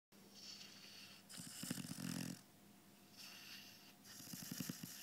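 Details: Five-month-old Labrador puppy napping after a big day, snoring: soft rasping breaths with a fluttering snore on inhalation, two snore cycles in a quiet room.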